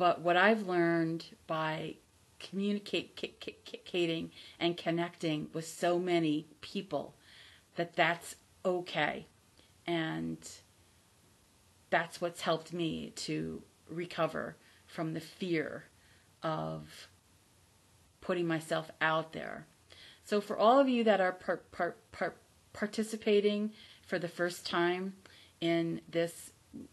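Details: Adult woman from the United States, a self-described person who stutters; she says she is not recovered from stuttering, only from the fear of it, and that listeners can hear her stutter; stuttering.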